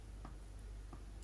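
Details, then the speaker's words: Two faint, brief clicks about two-thirds of a second apart from the jaw of an adult with hypermobile Ehlers-Danlos syndrome and temporomandibular joint dysfunction, one side disconnected: jaw clicking. "my jaw clicks. This is disconnected. This side's okay, it's going, but this side's gone."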